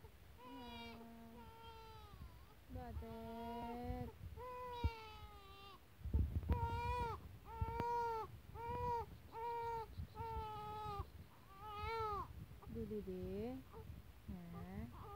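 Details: Infant crying: repeated rising and falling wails with short breaths between, over low room noise; an ordinary infant cry.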